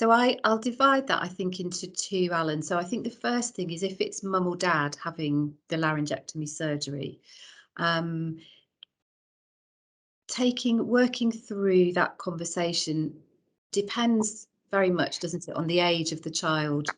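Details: Adult woman speaking; normal voice.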